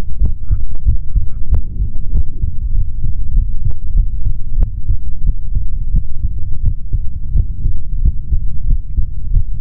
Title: ASMR MALE SOUNDS INSIDE BODY | Stethoscope | HeartBeat | No Talking |